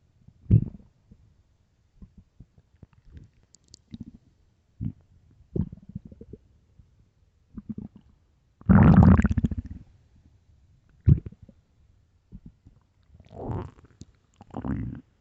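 Deep gurgling and rumbling bursts, irregular and bubbling, with one long loud growl: stomach growling from an empty stomach.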